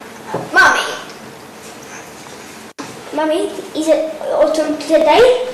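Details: 10-year-old boy with an epileptic encephalopathy and moderately impaired speech; dysarthria.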